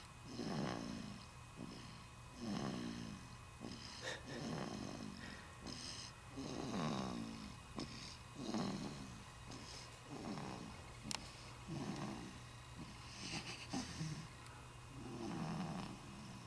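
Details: Infant aged 4 weeks: soft, rhythmic snoring at about 32 breaths a minute over a steady low room hum; infant snoring.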